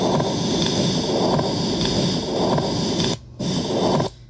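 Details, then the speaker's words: Simulated continuous murmur from an auscultation practice app: heart sounds with a steady whooshing murmur throughout. "y así como pueden escuchar más sonido por ejemplo un murmullo continuo"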